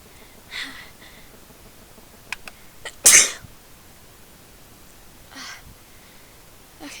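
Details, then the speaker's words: Adult with cat allergy at a friend's house, trying to hold back a sneeze while talking: quick building inhalations, then a single sharp, loud sneeze followed by soft breaths. "So I'm trying really hard not to sneeze, and not doing such a good job. I can't hold him back anymore."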